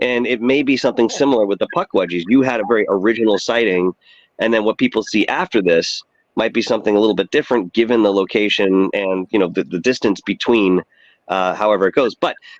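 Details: Adult man who had vocal cord cancer and operations; his voice was lost, then partly returned, and it does not carry far. Dysphonia after vocal cord cancer surgery.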